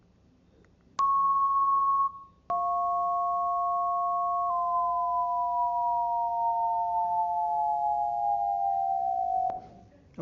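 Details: Distortion-product (combination) tones.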